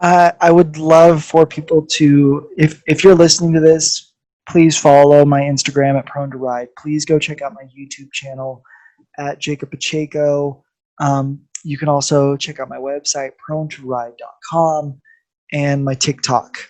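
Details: Adult male speaker; normal speech.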